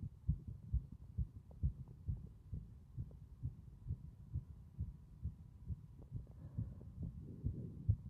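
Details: Loud, regular low heartbeat thumps at about 130 per minute, strong throughout, with a faint background hum; strong heart sounds.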